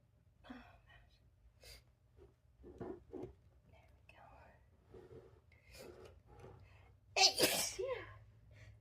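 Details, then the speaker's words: Sneezing after lighting a candle, nose tickling all morning, while painting: soft whispered sounds and breaths, then a gasping lead-in and one loud, sharp sneeze. "Achoo! Oh, excuse me. Ah. Achoo! Yeah, I just lit my candle. Achoo! And my nose has been tickling all morning like absolutely crazy."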